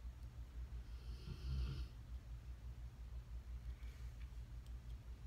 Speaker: I don't know if you can hear my dog snoring in the background, but he loves to lay in here in the makeup room while I get ready, so sorry about it.